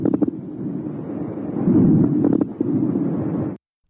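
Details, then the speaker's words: Coarse crackles on lung auscultation: loud, low-pitched bubbling and popping sounds starting in early inspiration, over breath sounds. "coarse crackles are loud low-pitched bubbling sounds that start in early inspiration"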